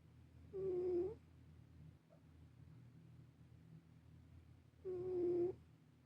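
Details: Two loud, buzzing, tonal snores about four seconds apart from a sleeping black cat; normal sleep sound.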